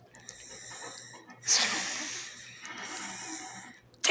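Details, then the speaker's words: Breathing through a tracheostomy tube the person has had for two and a half years: hissy, rushing airflow with a whistling edge and a loud breath midway. "what is that thing in your neck my Instagram some it's called a tracheostomy implant it's a breathing tube through my throat"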